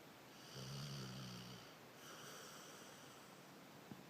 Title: Dog snoring